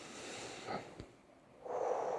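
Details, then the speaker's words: Adult imitating the urge to cough during a chronic-cough behavioural therapy demonstration: faint breath, pause, rising hiss of air, then one sharp loud burst; simulated cough. "그래서 기침이 나오려고 할 때 막"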